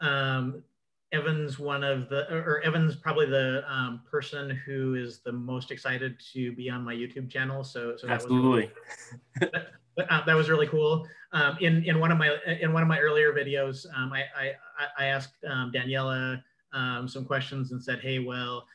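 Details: Adult man with self-reported cluttering involving repetitions, interjections, revisions and telescoping, especially when talking fast: cluttering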